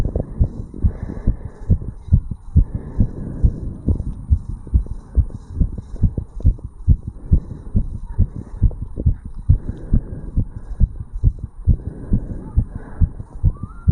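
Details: 35-year-old male's heart recorded at the tricuspid valve area after jogging uphill (second recording): rapid, regular heart sounds around 130 bpm with some rubbing noise; fast heartbeat after exercise.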